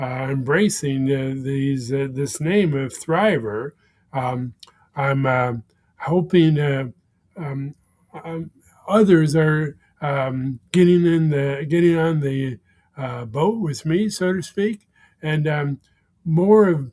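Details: Man with expressive aphasia after a first stroke that damaged his speech center; a second stroke impaired right-side motor function; about 16 years post-stroke; expressive aphasia.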